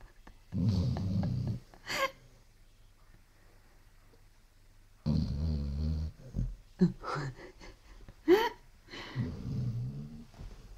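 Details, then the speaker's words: Sleeping Basset Hound snoring: low, rumbling snore bursts a few seconds apart, with brief squeaky noises in between. "Этот храпит тоже. Шерлок тоже?"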